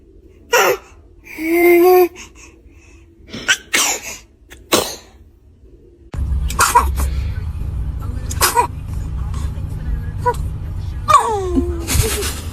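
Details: Several short, sharp bursts and a brief squeal from a baby, followed by laughter, "bless you" and music; infant sneezes.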